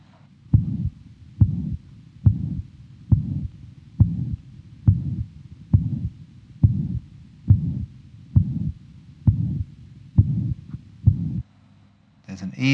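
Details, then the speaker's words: Young man with mitral valve prolapse, auscultation at the apex: regular ~69/min, loud blowing, nearly holosystolic murmur with a small gap after the first heart sound. Possible slight systolic thrill. Mitral regurgitation. "heard um mitro pan systolic murma which is nearly holos systolic I it nearly goes right through assistly but there is a small gap between the first heart sound and the onset of the murmur"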